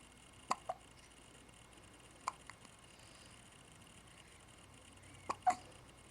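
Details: Hiccups: three sharp, brief hiccup sounds, each a quick click with a small after-sound, in a quiet room.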